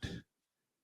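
One brief, harsh throat clear lasting about a quarter second, from an adult with a cold and sore throat.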